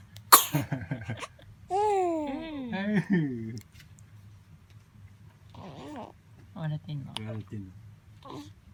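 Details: One-month-old baby sneezing: a sharp burst followed by squeaky vocal sounds, with adult voices in the room; an ordinary infant sneeze.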